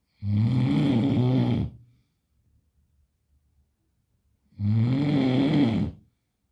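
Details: Snoring: two loud, rough, rattling snores on the in-breath, each about a second and a half long, with a quiet pause between them.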